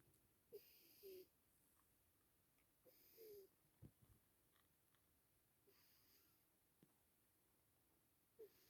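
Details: Sleeping cat, a rescued former street cat, snoring very loudly: rhythmic snorting breaths with a whistly, wheezy edge, about 22 a minute, sometimes sounding like crying.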